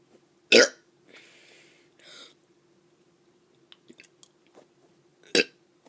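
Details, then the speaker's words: A child does deliberately forced burps for fun: two short, sharp burps with soft rustling and a faint steady hum between them. This is burping (eructation). "Hey guys, I'm going to be doing some burps."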